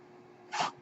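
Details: Speaker's own mechanical ventilator, heard in the background while the user talks during a podcast recording; a mechanical ventilator breath.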